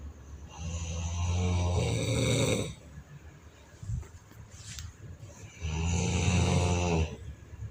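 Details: Mechanical snoring sound: two loud, rough, rattling snores on breathing in, with quiet pauses between them.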